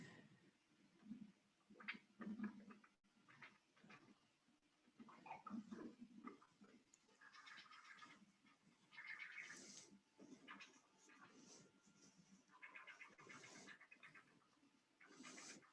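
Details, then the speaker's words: Non-invasive real-time pulsed Doppler flow velocity system on a mouse: pulsing whooshing tones of the blood flow signal, its pitch changing as flow velocity varies. "you can hear the traditional sound of the doppler flow so that's coming through the computer and often we can recognize the different flow velocities that we're seeing based on that signal"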